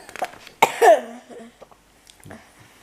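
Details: Single harsh cough burst with a brief voiced tail and faint room noise, from an adult woman who is ill, coughing while reading a bedtime fairy tale aloud.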